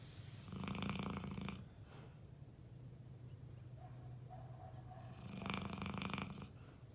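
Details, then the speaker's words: Snoring from a sleeping buddy who snores almost all the time: two long, rough, rattling snores about five seconds apart, with quieter breathing between them. "That's my buddy sleeping there. He snores like crazy almost all the time."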